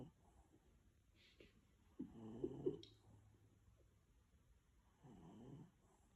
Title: Dog Snoring! 🤣